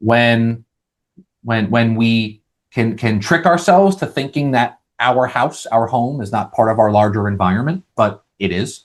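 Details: Adult male who has stuttered his entire life, managed through speech therapy, stress management and holistic living; stuttering.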